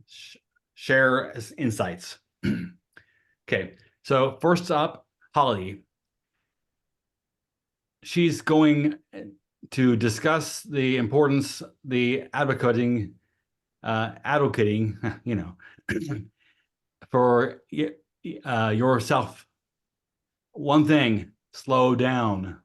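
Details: Adult woman who has lived with aphasia for at least 20 years; aphasia.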